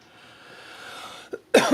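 Over faint room hiss, a small throaty burst is followed by one loud, harsh cough from an adult: a dry hacking cough during an allergy flare.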